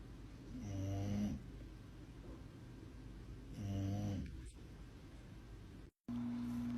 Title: Super Funny Doggo Thinks He is a Bad Boy - Funny Doggo Snoring - Super Funny Dog Videos #shorts